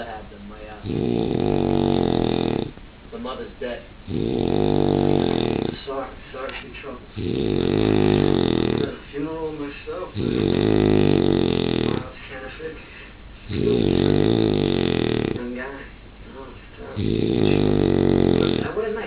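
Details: Loud, regular rumbling snores on each inhalation, about six in twenty seconds, with softer exhalations, from a sleeping dog doing his snoring "party trick"; snoring.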